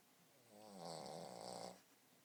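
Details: Boston Terrier dog snoring while asleep.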